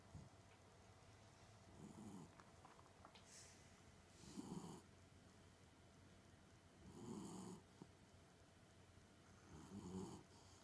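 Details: Soft, regular snoring breaths, about four in ten seconds, against faint room hum; quiet snoring.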